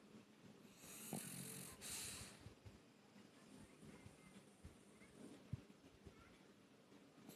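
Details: A sleeping female pug, a small flat-faced dog, makes soft rasping snores and snorts with quiet breathing between them; snoring.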